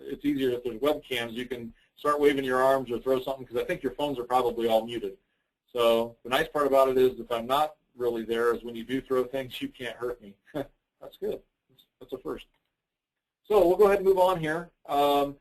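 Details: Adult male speaker; normal speech.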